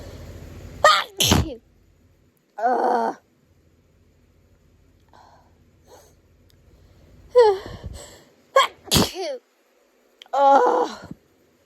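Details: Several forceful sneezes in a row with short gasping intakes between; intense allergic sneezing from hay fever while resting in bed.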